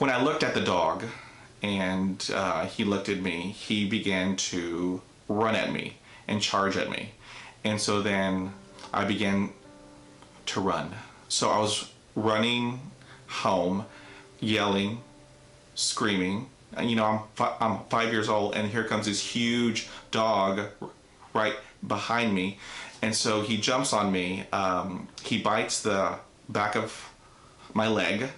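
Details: Adult man with self-described neurogenic stuttering, onset at age five after a dog attack, followed by almost a year without speaking; speech therapy from grade one through high school, college and the Air Force; stuttering.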